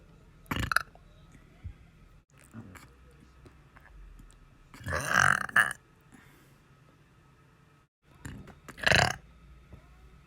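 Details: Person who can't stop burping: three loud, rumbling belches spaced a few seconds apart in a quiet room; burping.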